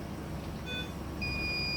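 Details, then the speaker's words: Phoenix NCPAP 300 bubble CPAP machine in NICU, after selecting bubble generator and pressing mute switch before oxygen calibration: short high beep then longer steady beep over low machine hum. "Here you have to select the bubble generator and press the mute switch, and this will be selected."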